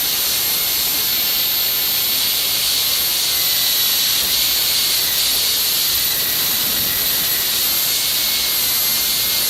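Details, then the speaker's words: High-speed dental handpiece reducing the distobuccal cusp during occlusal reduction of a dentiform mandibular molar for a complete cast gold crown preparation: a steady high-pitched whine with an airy hiss as it cuts. "Initially, you may find it easier, however, to tackle each component individually, since less of the guide groove remains to reduce this distolingual cusp."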